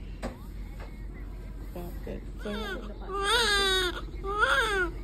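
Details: A newborn baby girl cries during labor and delivery: soft whimpers build to loud, wavering cries, with faint room noise behind. Normal newborn cry.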